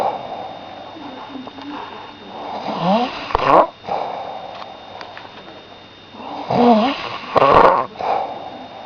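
Low rattling breaths with louder snorting surges about every four seconds, around 15 a minute; snoring.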